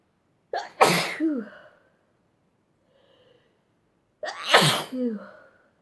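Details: Fit of sneezing in someone highly allergic to dust: two forceful sneezes, each with a sharp inward catch and then an explosive burst, several seconds apart.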